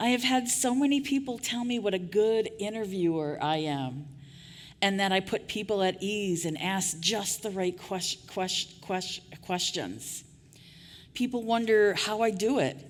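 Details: Adult woman who stutters, after years of covert stuttering; repetitions of sounds, words and phrases; stuttering.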